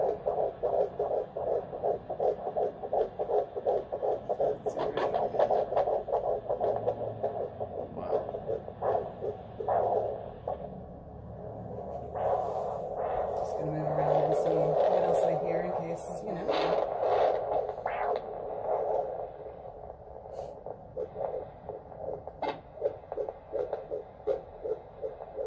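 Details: Fetal heart tones at 11 weeks of pregnancy on a handheld Doppler, heard for the first time: rapid, regular whooshing at about 160–170 beats a minute, somewhat bouncy with good variability; normal fetal heartbeat.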